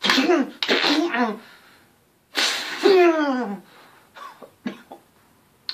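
Several loud, forceful acted sneezes with a sharp burst of air, followed by a few small clicks and breaths.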